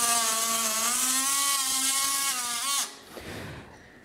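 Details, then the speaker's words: Whining oscillating saw that winds down and stops, making the femoral bone cut on a practice bone model during total knee replacement, after pinning the cutting block and setting alignment. "وبكده احنا نقدر في اللحظه دي نعمل الكات بتاعتنا بعد ما ظبطناها فيرس فالجاس والالاينمنت بتاعنا. هنستخدم السو بليد ونبدا الكات بتاعتنا."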